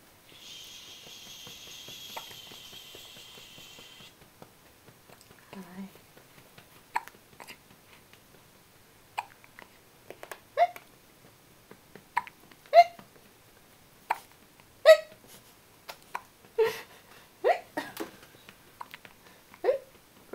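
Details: Soft, abrupt little hiccup sounds repeating irregularly, about one every two seconds, in a quiet room, from a young boy; hiccups.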